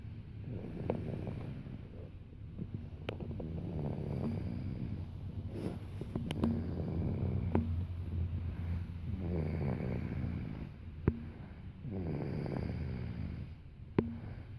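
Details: Low, rattling snores repeating in slow cycles, about four or five breaths across the clip; snoring.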